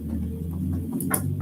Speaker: You'll >> hear my stomach growling. So if it gets too quiet, nobody point at me and laugh because it's getting ready to start growling.